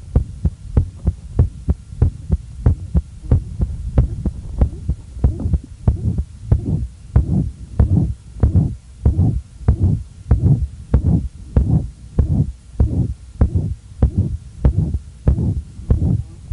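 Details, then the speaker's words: Man with hypertrophic obstructive cardiomyopathy during squatting-to-standing maneuver, where standing quickly increases outflow obstruction and leads to mitral regurgitation: regular heartbeat near 95 a minute with a rough systolic murmur between beats; HOCM murmur. "upon standing he will quickly go through increasing obstruction and on to mitral regurgitation"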